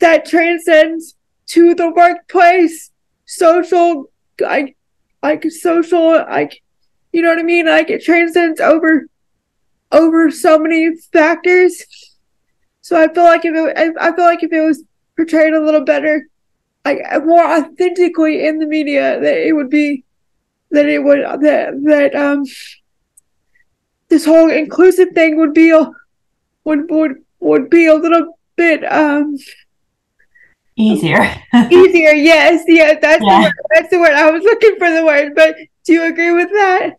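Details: Dysarthria in a woman with a more severe form of cerebral palsy, who says it is harder for her to talk.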